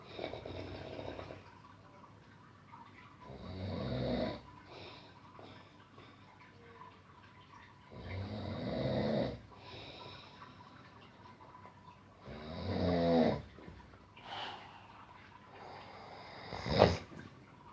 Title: DEEP SLEEP SNORING SOUND PART 2 #AMAZING